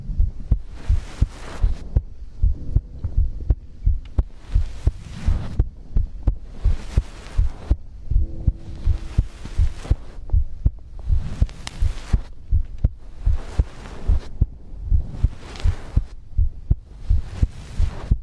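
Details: Regular deep normal heartbeat, roughly 80 beats a minute, under slow breathing and light rustle; heartbeat and breathing ASMR recording.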